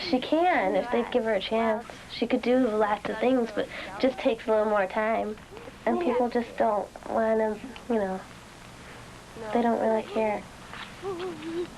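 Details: Child, female speaker; normal speech.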